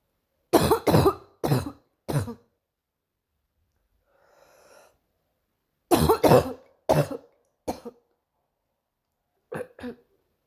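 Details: Morning cough: two bouts of harsh coughs, about ten in all, with a quiet breath between the bouts.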